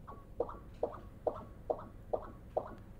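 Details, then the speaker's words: Fetal echocardiography, four-chamber view, pulsed-wave Doppler of tricuspid inflow: regular whooshing pulses at about 138 a minute, biphasic with separate E and A waves and the A wave dominant, which is normal in fetal circulation. "again we see on the tricuspid inflow signal we see a similar finding with dominance of the a wave compared to the early wave which is normal in the fetal circulation"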